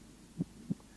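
One clean pair of low heart sounds, first and second, heard at the apex: normal heart sounds.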